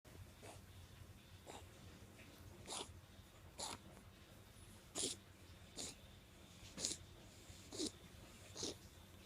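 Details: Baby pug puppy with kennel cough caught at a pet shop, also born with narrow trachea and elongated soft palate: repeated short, harsh, hacking coughs, about nine bursts in nine seconds.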